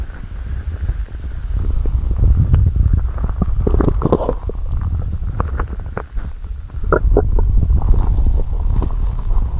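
Low, irregular gurgling and rumbling from the abdomen; ordinary stomach growling with hunger, a normal bowel sound.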